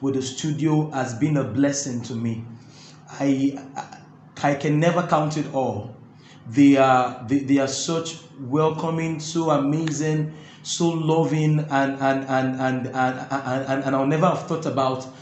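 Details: Adult man who stammers, reporting difficulty when talking but none when singing; stuttering.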